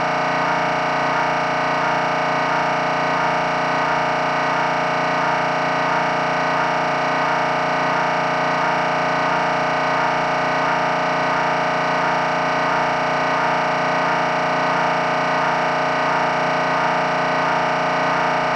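Loud, steady, buzzing electronic drone with fast regular pulsing throughout. Typical MRI scanner imaging noise.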